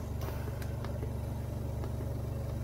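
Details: Nareena oxygen concentrator running with a steady low motor hum and faint rhythmic clicks; unit has a flow meter not to exceed five liters, a nebulizer outlet, a timer and an alarm mute.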